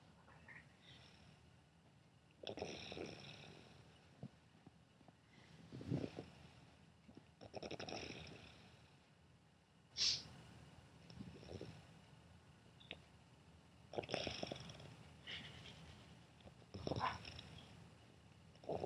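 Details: Irregular rumbling, snorting breaths during sleep, roughly 15 a minute, over faint room noise: snoring.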